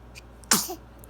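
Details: A one-week-old baby sneezing in the early morning: a single sharp, hissing burst with a brief voiced tail; a typical infant sneeze.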